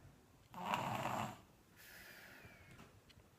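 One rough, rattling snore on the breath in, then a softer whistling breath out, in a quiet room.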